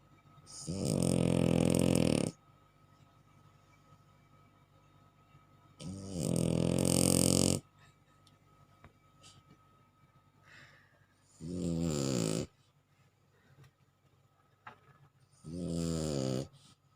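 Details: Sleeping bulldog snoring: four loud, buzzing, tonal snores about every five seconds, roughly 12 breaths a minute. Snoring in dogs occurs when airflow is restricted in the nasal passages or throat.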